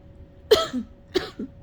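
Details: Person who has been sick for a long time, coughing repeatedly while trying to clear phlegm: two short, harsh coughs, each followed by a brief catch of breath.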